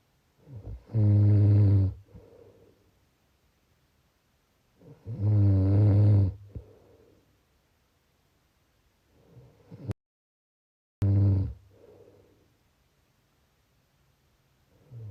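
Loud, low rattling snores on each breath in, about 14 a minute, with quiet breaths out between them.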